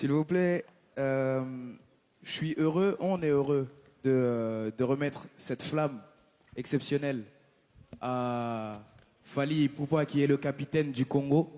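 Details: Adult man speaking; normal voice.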